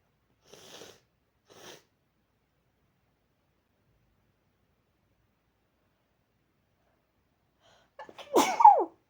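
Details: Sneezing into cupped hands after a tingling, ticklish nose since waking, with violent sneezes that cannot be stifled and an unknown trigger despite usual hayfever: two soft breathy inward catches, a pause, then one sharp explosive sneeze muffled by the hands.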